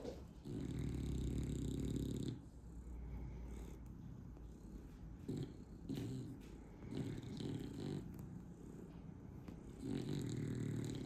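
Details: Sleeping dog snoring while a cat massages it: slow, low rumbling snores with quiet pauses between breaths; ordinary snoring.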